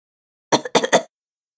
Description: Coughing sound, coughing sound effect, coughing video